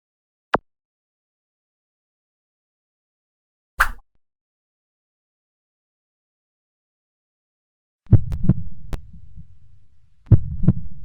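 Low paired thumps of a heartbeat sound effect begin near the end, after two isolated clicks and silence.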